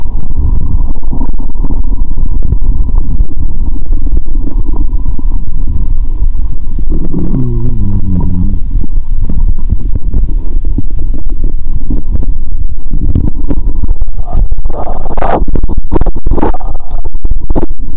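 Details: Stethoscope on the belly: loud, deep gurgling and rumbling with a longer watery gurgle midway; ordinary bowel sounds (borborygmi).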